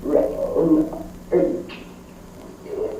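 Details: Woman with moderate to severe spasmodic dysphonia; strangled-sounding voice: spasmodic dysphonia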